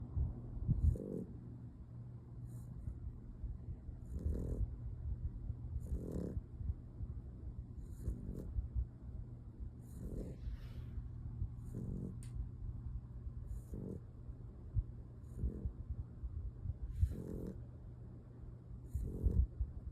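A sleeping dog snores rhythmically, about 32 breaths a minute, over a steady low background hum.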